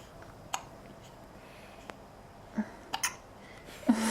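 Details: Asher, 8-day-old baby, hiccups, several soft abrupt hiccups spaced irregularly; he likes to feed fast and furious, so hiccups are common for him.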